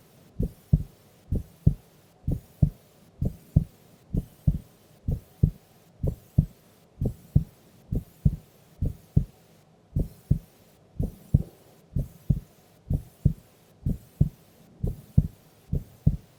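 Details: Heartbeat of a sleeping female during an afternoon nap: steady paired lub-dub beats at about 62 a minute with a quiet background, normal resting heart sounds.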